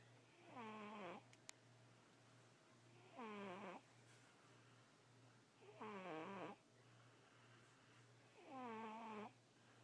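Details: Soft, rhythmic, whistly snores, about one every 2.7 seconds, over a steady hum; snoring during sleep.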